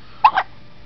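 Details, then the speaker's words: A quick double hiccup sound from a baby being talked to, whose bout of hiccups is described as bad; infant hiccups. "i loved hiccups you're funny yes you are you get the bad hiccups like your daddy"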